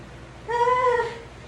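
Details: Full-term baby boy just after a normal vaginal delivery: a single clear, tonal cry lasting about half a second, a normal newborn cry.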